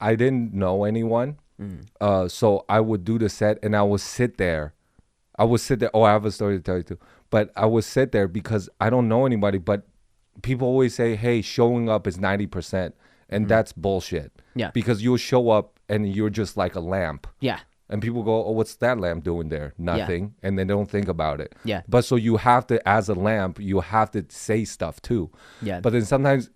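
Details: Adult male speaker; conversational speech.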